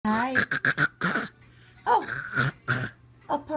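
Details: An infant gives a few short, voiced, deliberate cough-like bursts between vocal sounds; a playful voluntary fake cough.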